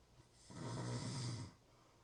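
A single deep, rattling snore lasting about one second on the in-breath: snoring.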